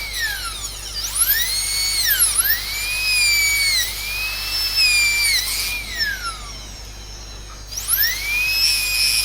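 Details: Dental drill giving a steady high whine, pitch sagging repeatedly under load, cutting a secondary flare on the buccal wall of the proximal box of an inlay cavity.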